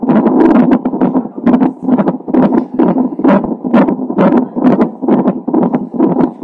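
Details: Fetal heartbeat of a baby with Down syndrome, recorded by Doppler monitor a few hours before birth: rapid whooshing pulses at about 130 per minute.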